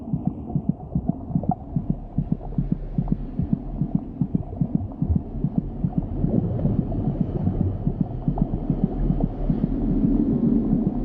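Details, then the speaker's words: Fetal heartbeat, beating about twice as fast as the mother's: rapid, fairly regular soft thumps over a low whooshing hum; fetal tachycardia. "the baby's heart beats about twice as fast as her mother's monitoring her heartbeat gives a good indication of her General condition"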